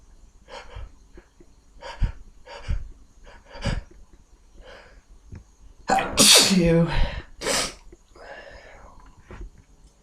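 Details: Person with a current cold deliberately induces a sneeze: quick sniffs and breaths build to one loud, explosive sneeze, then quieter breathing.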